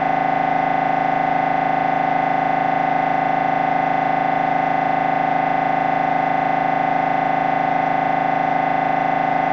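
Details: MRI brain scan recording: loud, steady buzzing drone with rapid regular pulsing from the MRI scanner during normal operation; MRI scanner noise.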